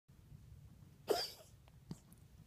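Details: A dog coughing in the evening: a single abrupt cough burst followed by a faint second sound over low room hum.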